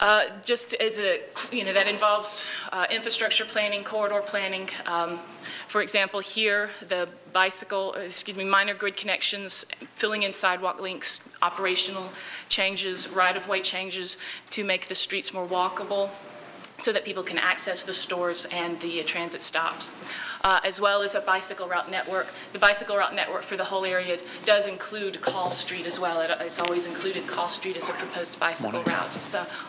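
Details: Vocal tremor in an adult woman, real, self-reported.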